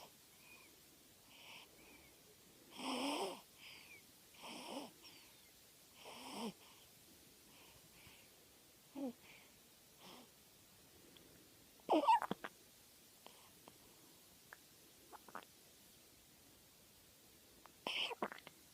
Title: 21/12/14 snoring like a old man